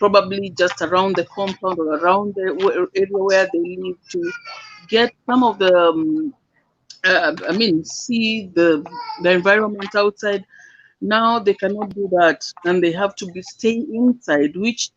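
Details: Dysarthria in an adult living with cerebral palsy; his speech is hard to transcribe.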